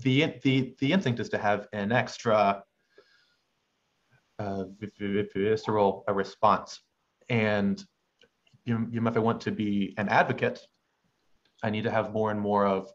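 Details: Adult male medical student who has stuttered since about age six, with uncontrollable pauses and a halting cadence; stuttering.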